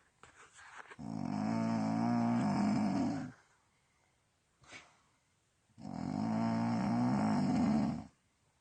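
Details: Person recorded while asleep, heavy snoring: two long, loud, buzzing, growl-like breaths a few seconds apart, with a short sniff between.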